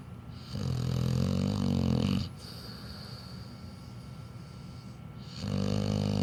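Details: Sleeping pit bull: two long, rumbling snores separated by a quiet exhalation of a few seconds; slow, deep sleeping breaths; snoring.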